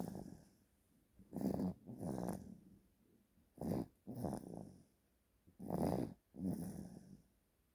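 Loud, rough snoring sounds on both breathing in and out, about three breath cycles in under eight seconds; noisy snoring during sleep.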